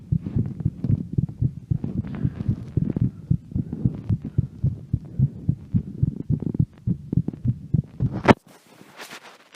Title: heart sound during walking around at home